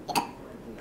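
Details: Baby sitting in a high chair with hiccups: a single brief, abrupt voiced catch against quiet room noise.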